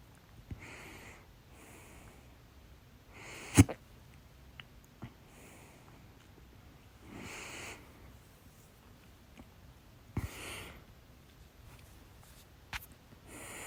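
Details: Loud bout of hiccups, reportedly after eating too much and painful in the throat: short, sharp, repeated catches of breath at irregular intervals over steady room noise.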